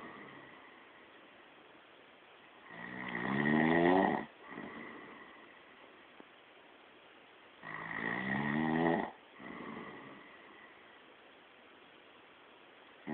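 Two loud, rattling inward snores with quieter outward breaths, about 12 breaths a minute, over steady background hiss; ordinary sleep snoring.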